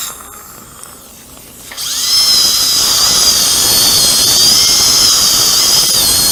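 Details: Quiet room noise, then a steady high-pitched dental handpiece whine: a diamond bur cutting an upper second molar for extraction and immediate implant placement with no sound bone under the sinus floor.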